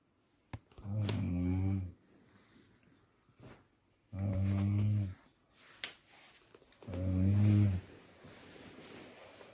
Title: THERAPI Untuk menghilangkan Sleep Apnea / Ngorok